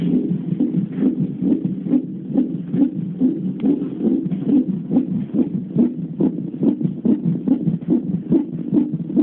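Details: Fast, regular whooshing beats at about 140 a minute on a CTG monitor during a second CTG in pregnancy; fetal heartbeat.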